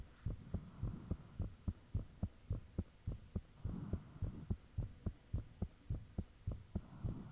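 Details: Self-recorded heartbeat with fan off, taken shortly after the heart began feeling unusually thumpy: loud, regular thumping about 105–110 a minute, each beat clear over a faint steady hum; valve and blood-rushing sounds reportedly audible.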